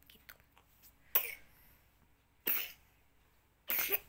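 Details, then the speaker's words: Child coughing through the night with sleep disturbed: loose, rattly, moist productive coughs from heavy phlegm, often followed by vomiting; also has a runny nose and diarrhoea. Wet cough. "Bentar-bentar batuk itu muntah, batuk terus muntah dia. Jadi batuk itu karena banyak dahaknya, kasihan."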